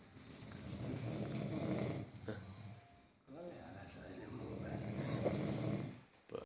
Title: Snoring Competition of my friend during Local Level election camp somewhere in the rural Nepal 🇳🇵